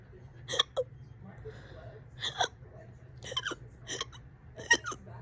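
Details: Five sharp, abrupt voiced hiccups about every second over a low steady hum. The person has had the hiccups for about 30 minutes, on and off all day.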